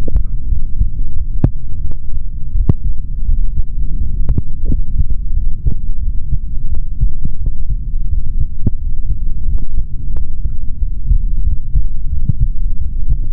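Deep, muffled heartbeat through a stethoscope under constant low rumble, with occasional sharp clicks of handling noise.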